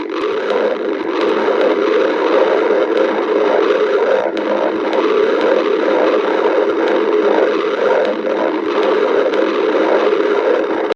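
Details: Stomach growling (borborygmi): a continuous bubbling, rumbling gurgle with a churning texture throughout.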